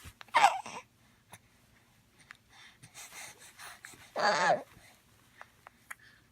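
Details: Sneezing.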